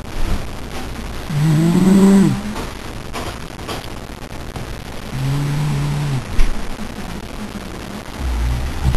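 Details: Adult father asleep while someone tries to plug his nose: loud low rumbling snores on the breaths with rustling and handling noise between; adult snoring.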